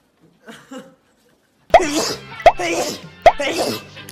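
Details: Three sharp sneezes in quick succession from a young male singer, each a sudden burst followed by a noisy rush of air.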